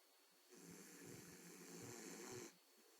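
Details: Jack, a sleeping boxer dog, owner suspects sleep apnea: one long, rough, rattling breath lasting about two seconds, faint steady background tone; snoring.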